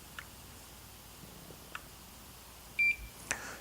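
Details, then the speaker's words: Philips OnSite automated external defibrillator (AED): a single short, high periodic chirp over room hiss, a fault alert sounding because the pads cartridge was removed; any such chirp means something is wrong with the unit. "now you hear the periodic chirp certainly it's chirping now because i've removed the pads cartridge but any chirp such as this means that there's something wrong with it"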